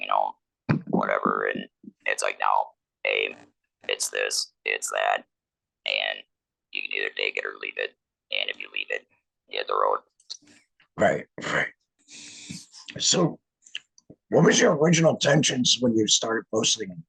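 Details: 47-year-old man, laryngectomee since a 2019 laryngectomy, speaking with an electrolarynx, which took him about a year to get familiar with; electrolarynx speech.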